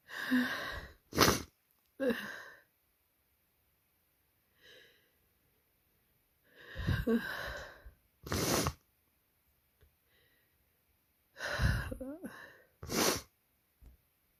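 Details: Someone with a cold having tickly, stuck sneezes: three rounds of gasping, hitching in-breaths, each ending in a sharp, forceful sneeze; repeated sneezing.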